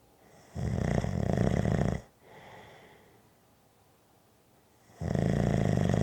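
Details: Loud, low, rattling snores on inhalation, each about a second and a half, separated by a softer exhalation and a quiet pause; snoring.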